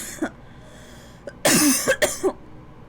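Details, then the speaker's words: Cough from a person who describes a tickling feeling in the throat that makes them keep coughing. "you know when you have that feeling in your throat or it's like a drawing it's like tickling you and it's like you're gonna cough more"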